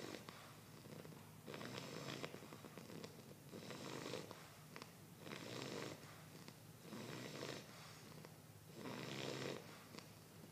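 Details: Snoring.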